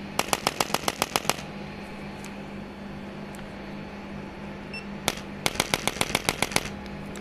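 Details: Two bursts of rapid sharp mechanical clicks, about eight to ten each, over a low hum: a handheld chiropractic adjusting instrument applied to the upper back during treatment for chronic back pain.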